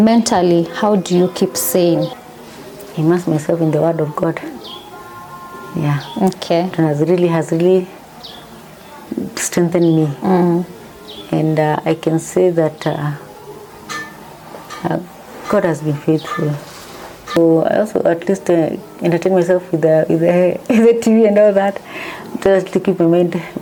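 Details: Adult woman, mother of two, with Parkinson's disease: symptoms since 2019, first misdiagnosed as a pinched nerve, diagnosed 2022. She says her medication makes her tongue heavy and her speech has changed; hypokinetic dysarthria (Parkinson's disease).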